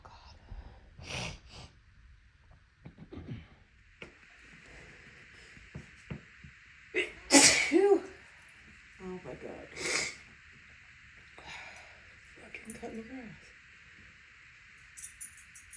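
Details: Allergy sneezing after grass cutting nearby, with eyes watering: several separate sneezes with sharp bursts and inhaled breaths between, over a steady background hum; a repeated allergic sneezing bout.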